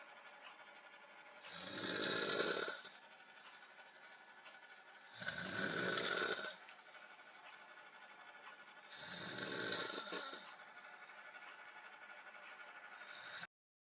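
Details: Snoring-sound recording used for a lip-sync clip: three loud, rasping snores at a steady rhythm of about 16 breaths a minute, with quiet exhalations between them; snoring.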